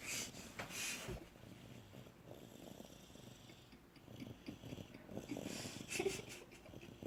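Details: Sleeping dog snoring: soft, low rattling breaths with a few louder snorting bursts against faint room noise.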